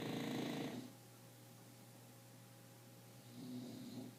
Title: Wake & Pete knocked out snoring. English Bulldog